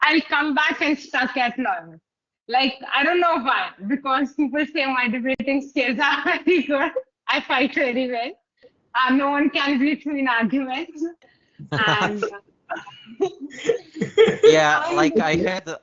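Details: Adult woman speaking; typical speech.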